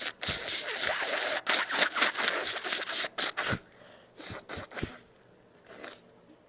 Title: UnStifled sneezes